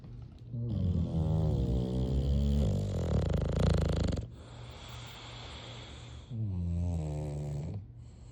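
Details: A sleeping bulldog gives loud, rumbling, rattly snores in long, rhythmic, drawn-out cycles with quieter pauses between them; ordinary dog snoring.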